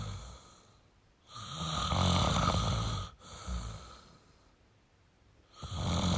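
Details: Male snoring during sleep: loud, rough snoring on each in-breath with quiet pauses between.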